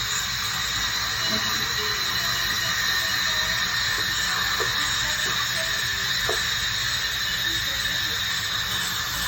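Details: Dental hygienist cleaning teeth, removing tartar and plaque at a dentist visit: steady high-pitched hiss and whine with water spray noise from an ultrasonic scaler.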